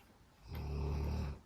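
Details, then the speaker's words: English Mastiff dog that snores a lot, sleeping in the background at night: a single low, rumbling snore lasting just under a second; snoring. "And you can hear my dog snoring. That is our English Mastiff, Emmy. If you haven't met her yet, she snores a lot."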